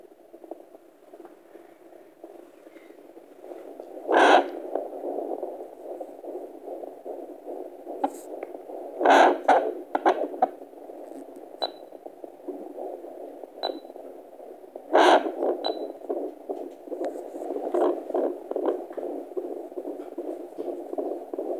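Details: Steady whooshing Doppler sound with a fast, faint pulsing fetal heartbeat at 26 weeks 5 days of pregnancy, broken by a few loud scrapes.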